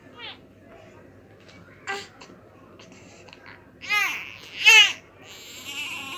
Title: Baby crying sound effects || New born baby crying sound ||